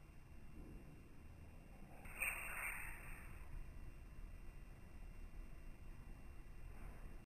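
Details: Cat sneezing: a single short, soft sneeze against a quiet room background.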